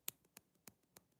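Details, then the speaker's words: A girl with Tourette's and double-jointed fingers bends two fingers during a tic, making four sharp, quiet joint clicks at a steady pace; the fingers are swollen and injured. Finger joint clicking. "you hear that clicking? I don't know if the mic picks it up. When I do this, my bones click."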